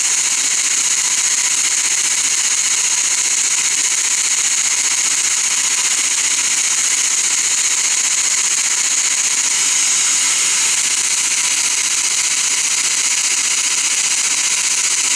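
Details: Dental laser running during laser-assisted root canal on a lower bicuspid, used for access, caries removal, debridement and decontamination: steady high-pitched hiss with faint regular pulsing throughout.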